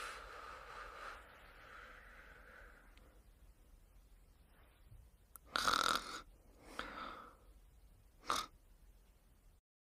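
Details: Quiet breathing during sleep is broken by a few short, sharp nasal snorts: snorting.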